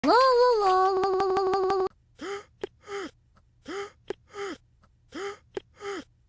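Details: A cartoon character gasping for breath after sneezing: a drawn-out strained cry, then rhythmic wheezy gasps with sharp clicks between them; gasping.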